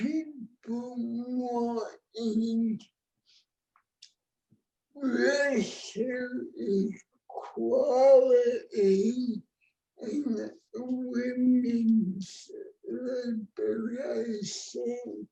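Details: Adult woman with cerebral palsy, present from birth (born before the ADA); dysarthric speech, though the speech disorder is not explicitly named.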